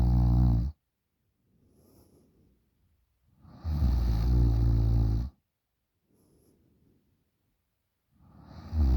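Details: 20-year-old girl snoring very loudly while asleep: loud, rattling snores on each in-breath, separated by quiet out-breaths, repeating about every four seconds.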